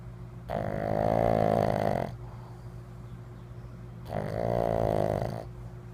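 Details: Pug snoring while sleeping: two long, loud, buzzing snores of about two seconds each with a steady hum between, rattling snoring.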